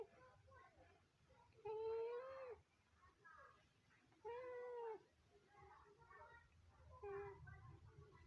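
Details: A sleeping Scottish Fold cat makes a squeaky, whistling snore on each breath, about 23 breaths a minute: snoring.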